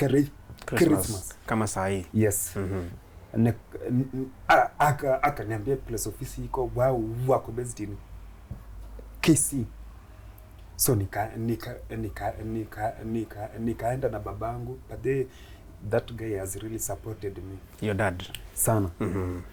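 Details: Adult Kenyan man with stuttering (stammering) that began in his school years; he finds plosive sounds especially difficult and shakes his head when he stammers; real, not acted; stuttering.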